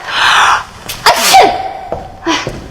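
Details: Simulated sneeze acted in a drama scene by a teacher with a bad cold: a single loud, explosive sneeze with a sharp intake before it.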